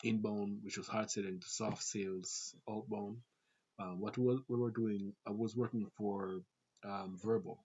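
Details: Adult Jamaican man with a family-inherited stutter (grandfather, father, siblings), who also reports talking fast and having a sore throat that day; stuttering.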